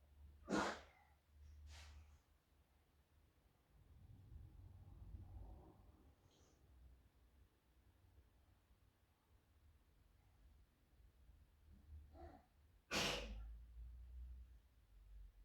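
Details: Young girl's sneezing fit, following about 4–5 earlier sneezes: three sharp sneeze bursts with breathing between.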